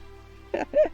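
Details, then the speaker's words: An adult livestreamer gives a single loud two-part sneeze, a sharp burst then a voiced, higher-pitched release, over faint room hum, then apologizes for its loudness. "that was really loud i'm so sorry oh okay yes thank you sorry about that"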